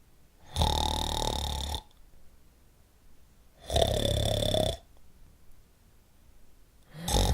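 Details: Loud, rough, rattling snores on each breath in, about 19 a minute, with quiet pauses between: a snoring sound effect.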